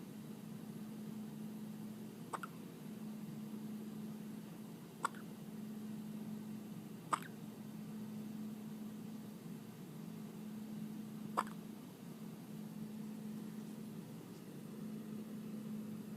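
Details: Infant hiccups during kangaroo care on her mother's chest: four faint, sharp hiccups, irregularly spaced over about sixteen seconds, against a steady low hum.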